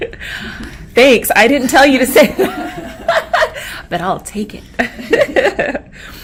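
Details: Adult woman speaking; normal speech.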